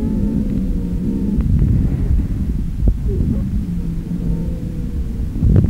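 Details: Adult male during a respiratory examination, with a stethoscope on the chest while breathing deeply in and out through the mouth: faint musical whistling tones over heavy low stethoscope rumble, an expiratory wheeze from narrowed airways.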